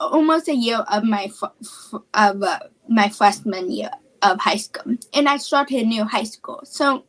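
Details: Childhood apraxia of speech, a neurological speech disorder, in a female high school student.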